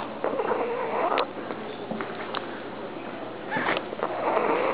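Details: Pug snoring: two noisy, whistling, snorty breaths with a nasal, rattling quality, typical of a flat-faced small dog.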